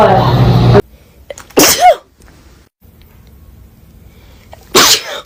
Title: Sneezing Compilation 1 🤧